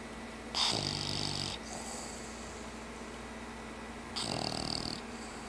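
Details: Pet named Scarlett napping after playtime: two loud, rough snorting snores with hissy breath between; snoring.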